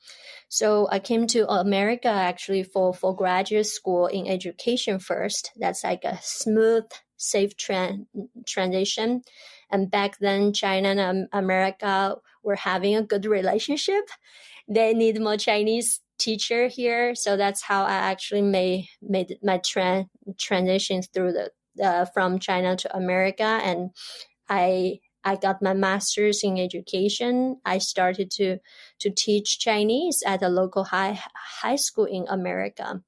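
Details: Adult woman who stutters, stuttering since about age 7 or 8, stutters in her Chinese dialect, Mandarin and English; stuttering.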